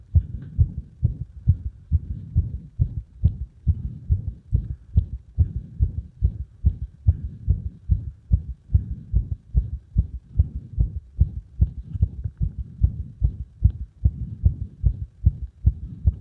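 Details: Arrhythmic heart sounds caused by compression: fast low thumping heartbeat with uneven spacing between beats; irregular rhythm.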